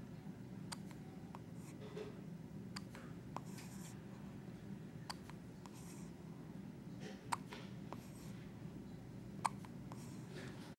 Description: Baby with hiccups.